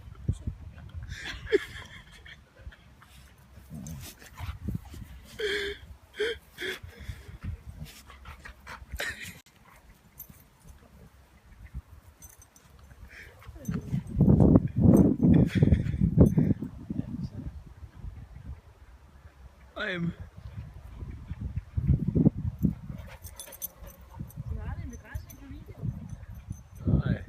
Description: Fox red lab having a sneezing fit